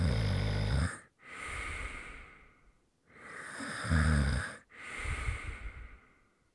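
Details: ASMR snoring for relaxation: deep, rumbling snores on the breath in, alternating with long, hissing breaths out; heavy, regular snoring.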